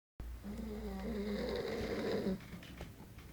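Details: Man snoring very loudly at 5 a.m. in Tenerife: a loud, sustained rattling snore on an in-breath, followed by quieter breathing.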